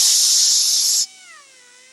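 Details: Low-speed dental handpiece placing the facial retention groove after the linguo-axio-gingival groove, during a Class II mesio-occlusal amalgam cavity preparation on a mandibular right first molar. Loud high-pitched hiss of a dental bur cutting, then a falling whine as it winds down.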